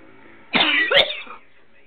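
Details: Two harsh, forceful coughs in quick succession over low room noise after a New Year's shot was swallowed wrong; choking cough.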